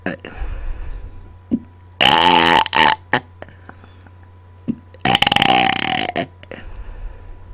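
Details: Adult deliberately burping on command into a microphone after dinner: two long, loud belches with a rippling, gurgling tone, separated by quieter room noise and steady background hum; voluntary belching.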